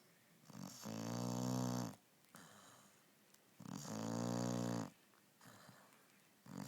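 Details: Snoring: a sleeping puppy with loud, buzzing snores on each in-breath and quieter out-breaths, about 20 breaths a minute.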